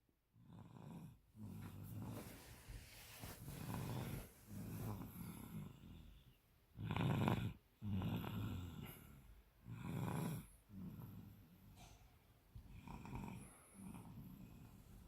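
Rough, low snoring on each breath in, about 20 breaths a minute, with quiet gaps between.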